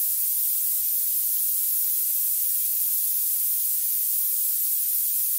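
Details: Steady, very high-pitched narrow pink-noise band, a synthetic sound used to find and match tinnitus frequency.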